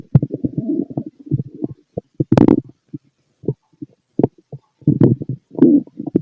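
Frequent low gurgles and rumbling bursts, some prolonged, heard through a stethoscope; active normal bowel sounds of stomach growling.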